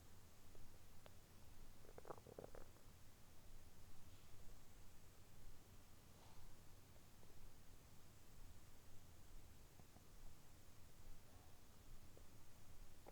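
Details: Abdominal sounds recorded early morning on an empty stomach, around gulping a glass of milk; quiet, low rumbling with a few brief gurgles over steady background hiss; ordinary bowel sounds.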